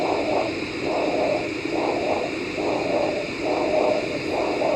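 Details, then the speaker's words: Single rough whooshing sound with each beat, about 68 a minute, without distinct phases, heard on vascular Doppler during lower-limb arterial assessment in diabetic foot screening, described as one curve only, rocky; monophasic Doppler arterial signal. "It's 1 curve only, and it's rocky. This is also 1 sound, but better."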